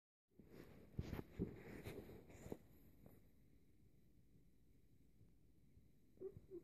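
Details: A sleeping pet gives a rough, fluttering snore on one breath, then a quiet pause before the next breath.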